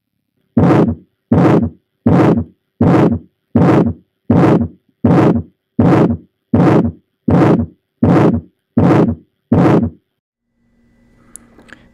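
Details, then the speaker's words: Aortic stenosis: regular heart sounds about 80 a minute, each beat with a harsh crescendo-decrescendo systolic murmur as ejection flow through the aortic valve rises then falls. "but then as the total volume is ejected the rate of blood passing through the aortic valve starts to decrease so the sound moves from a crescendo to a decrescendo"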